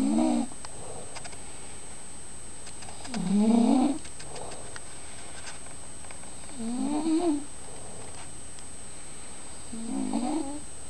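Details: Soft, rhythmic snoring, four snores in about eleven seconds, with a faint high steady tone in the background; snoring during sleep.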